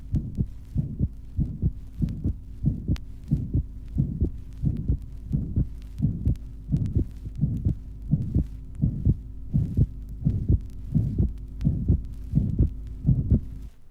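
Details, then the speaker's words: Interatrial septal defect recorded at the left 2nd intercostal space beside the sternum: regular heartbeat about 86/min with a soft systolic murmur and a split (reduplicated) second heart sound. "Interatrial septal defect, recorded in the second intercostal space on the left side of the sternum. A soft systolic murmur and reduplication of the second sound are heard."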